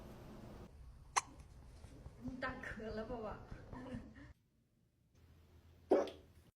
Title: cat hiccuping #catsstories #funny #cat #catvideos #catvideos